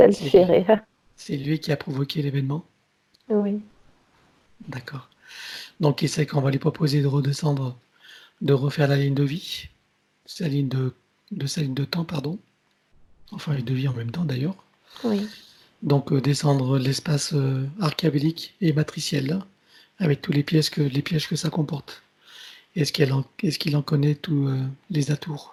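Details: Adult male speaker; ordinary speech.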